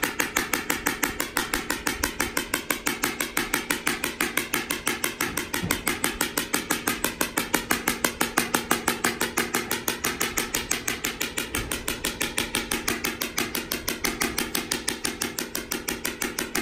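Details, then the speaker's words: Shock wave therapy on a mildly sedated, nervous horse with a slowly healing small skull fracture and bony callus, 500 shocks with the probe kept moving: loud, rapid, regular clicking pulses at about two per second with a steady high whine. "so once we start the treatment it's pretty noisy the treatment is based on number of shocks typically horses get a thousand to 1,500 shocks"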